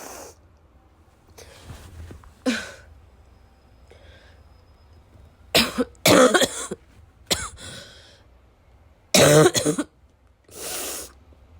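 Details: Acted wet, chesty cough: several harsh, loose coughs in bursts with throat clearing and snorting, separated by quiet breathing; the cough is tagged as wet, chesty and barking.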